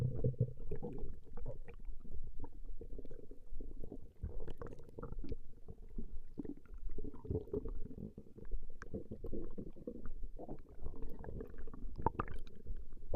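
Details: Recording of a woman's stomach growling: steady low gurgling and bubbling rumble with irregular pops from moving gas and fluid; ordinary stomach growling (borborygmi).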